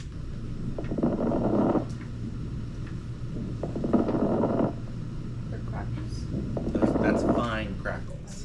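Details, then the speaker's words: Three breaths with soft, fine crackling pops through each, like static or TV snow, from a lung sound recording played in a nursing class review: fine crackles, which the class links to fluid in the lungs. "it sounds like the TV it sounds like snow on the TV all right now coarse crackles"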